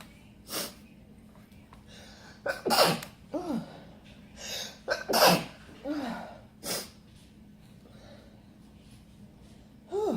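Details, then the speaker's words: Adult woman's sneezing attack after accidentally inhaling red pepper while eating rice: several sharp explosive sneezes in quick succession with gasping in-breaths between; repeated sneezing. "Oh, I done messed myself up. Okay. Oh. Sorry about that, y'all. Oh, I need a nap. I'll be back. I'm coming back. I inhaled the red pepper."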